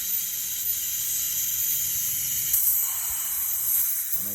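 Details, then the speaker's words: Root canal therapy of tooth #19 on a live patient through a PFM crown: ultrasonic tip used near the pulp chamber roof, giving a steady high-pitched hiss with faint whine and light suction noise. "so I I got very close to the top chamber so I switched to the ultrasonic because now I can use my mirror and I see exactly what I'm doing"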